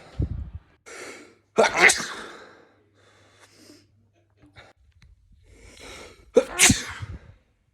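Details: Several ordinary sneezes, each a quick inward breath then a loud explosive burst; compilation of sneezes recorded over days, months and years.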